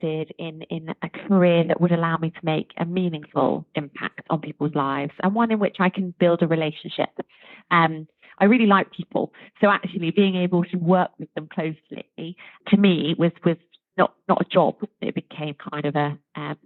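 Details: Adult woman speaking; Normal fluent speech.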